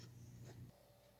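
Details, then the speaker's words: Single low rumbling snore from Paco, a sleeping dog, fading into quiet room noise: snoring. "Right, Paco? Hear him snoring?"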